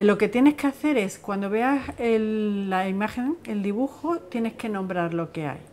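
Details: Adult woman, speech therapist; normal speech.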